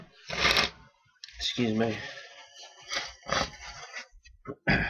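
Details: Natural, unprompted sneezes caught on camera: a gasping build-up, then a sharp explosive sneeze, followed by quieter breathy sounds, part of a run of breathless desperate sneezes.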